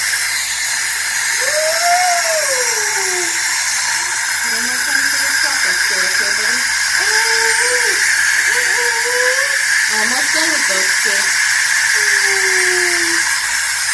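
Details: Young child having dental sealants placed: loud continuous hiss of dental air and suction, with the child's muffled voice over it during treatment.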